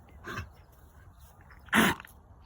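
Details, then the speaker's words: Dog with kennel cough starting days after doggie daycare, vaccinated, treated with antibiotics, cough medicine and honey: two short, harsh cough bursts, the second much louder. "lucy's out on the deck at high point animal hospital she they won't even let her in because she's got the cough oh lucy huh lucy you got to stay out on the deck because you got the cop"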